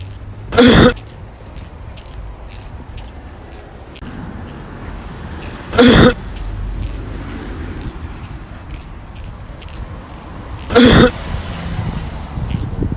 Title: Cough experiment